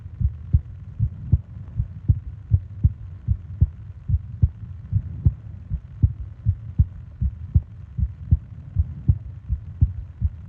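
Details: Heartbeat and breathing sounds recorded as a 20-minute sleep-aid ASMR: steady, low, evenly rhythmic thumping heartbeat at about 78 beats a minute with a soft hum behind; normal heartbeat.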